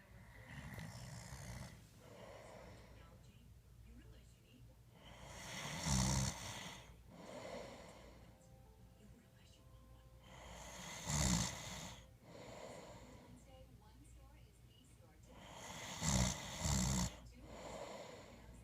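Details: Three loud, rough snores about five seconds apart, with quieter breathing between and faint room sound; snoring.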